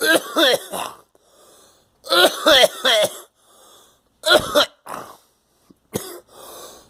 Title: Coughing